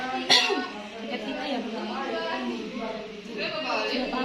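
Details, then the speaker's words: Simulated nursing role-play teaching effective cough: the patient inhales for 4 counts, holds 2, exhales to 8, then gives a single sharp deliberate cough to clear sputum, followed by low voiced sounds. "Kemudian buang sampai 8. Kemudian di akhirnya Ibu batuk."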